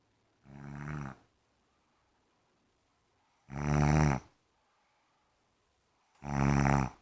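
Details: Mother snoring during sleep: three long, loud, buzzing snores with quiet gaps, about 25 a minute; ordinary heavy snoring.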